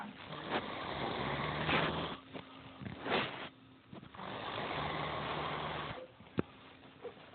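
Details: Loud heavy snoring: rough, rattling breath sounds in repeated long cycles about every two seconds, with quiet pauses between.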